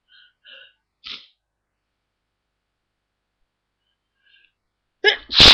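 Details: Someone deliberately trying to stifle sneezes, largely unsuccessfully: several small suppressed puffs and catches, then a loud full sneeze breaking through at the end.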